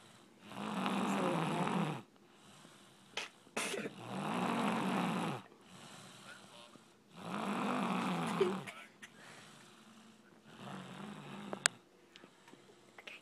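Loud rattling snores on the in-breaths, roughly one every three seconds, with quieter breaths out between; ordinary snoring.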